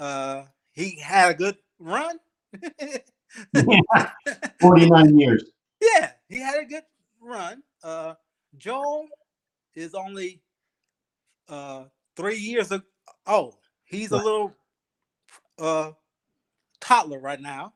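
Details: Aphasia after ischemic stroke in a 52-year-old male Army veteran, about 3 years post-stroke, still working on his speech; real patient.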